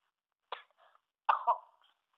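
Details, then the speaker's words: A child gives two short, sharp acted coughs close to the microphone. "dude no coughing on the microphone some people can get sick from that"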